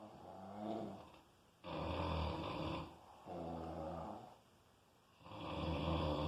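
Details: Loud, rough, rattling heavy snoring, about three breaths in six seconds with quiet gaps between them.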